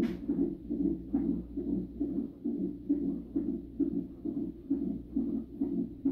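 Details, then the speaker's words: 37-week high-risk pregnancy, non-stress test: rapid, regular whooshing beats about 135 a minute on the fetal monitor; baby's heartbeat said to be not strong, getting stronger and faster with each movement; fetal heartbeat. "The baby's heartbeat is not that strong. Every time he moves, the heartbeat's getting strong and fast."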